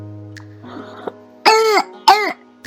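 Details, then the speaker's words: Two loud, harsh, barking cough bursts over faint music: a hoarse, croupy cough illustrating a child's laryngitis, described as almost always viral, often with a runny nose, hoarse voice and inspiratory noise. Barking cough. "maintenant je vous parlais des signes cliniques de la laryngite comment la reconnaître on observe une toux rauque aboyant"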